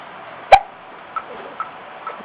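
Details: Infant hiccups: a sharp hiccup click followed by fainter small hiccup sounds over quiet room noise.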